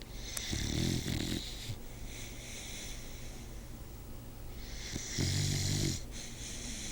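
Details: Aunt's sleeping dog gives two loud, rattling snores on the in-breath, each followed by a softer hissing out-breath, about 13 breaths a minute: the loudest snoring the recorder has ever heard.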